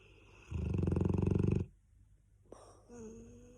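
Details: Cane Corso dog snoring loudly while asleep: one fluttering, rattly snore lasting about a second, then a short high whine in a quiet room.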